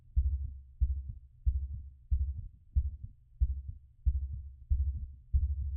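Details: Auscultation during post-exercise recovery: regular, strong low-pitched heartbeats about 92 per minute, fast but normal rhythm; normal heart sounds after exercise.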